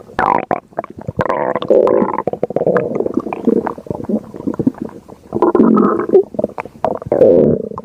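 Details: Loud gurgling rumbles with squeaky, bubbling runs and brief pauses: stomach growling (borborygmi), ordinary bowel sounds of gas and fluid moving.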